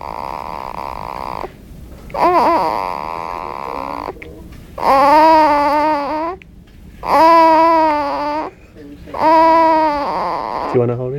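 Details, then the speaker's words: Firstborn baby boy just born: loud, rhythmic newborn crying in repeated long wails with short breaths between, about 28 a minute. A normal cry just after birth. "You were worried. He's making noises like that."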